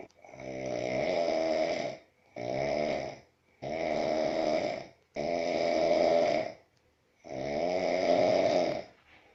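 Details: Man snoring: five loud, buzzing, rattling snores in quick succession with brief quiet gaps; heavy, persistent snoring.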